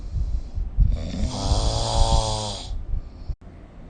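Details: Single loud, rumbling snore on an inward breath with a low fluttering vibration, recorded with the SnoreLab phone app; snoring.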